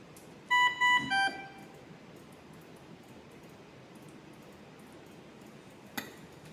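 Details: Dräger Savina mechanical ventilator powered on during equipment training: three short start-up tones, the last lower, then quiet room noise and a faint click.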